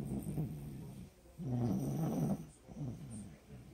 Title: Snoring fool